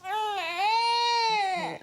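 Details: A poorly, slightly chesty baby girl cries during a GP examination after her throat is looked at. One long, high-pitched infant wail, clear and strongly voiced, rising then falling away at the end.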